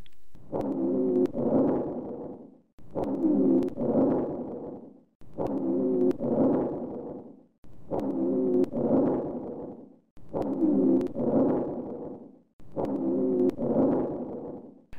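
Repeated breaths with musical, high-pitched continuous sounds on inspiration: inspiratory rhonchi from narrowed airways.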